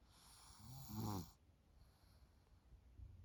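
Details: Sleeping baby girl snoring lightly: a single soft, low, rumbling snore on the in-breath, then quiet breathing; snoring.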